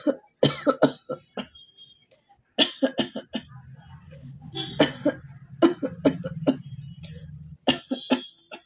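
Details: Real cough from a cold: several short, sharp coughs with brief pauses over faint background music, recorded as a cough challenge video.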